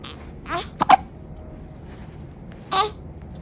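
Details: Infant with hiccups that won't stop: brief, sharp, involuntary catches of breath repeating several times over a few seconds against room noise.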